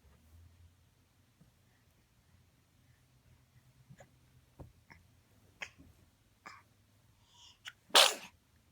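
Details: Quiet breathing and small sounds, then one sharp, loud sneeze burst at the end, in a clip that also shows a burp, a yawn and a smile; sneeze.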